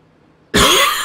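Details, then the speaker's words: Single sharp, harsh cough burst from an adult who has had a sore throat and cough for days. "Weil ich bin seit Tagen mit einem, ja, Halsschmerzen und Husten dran."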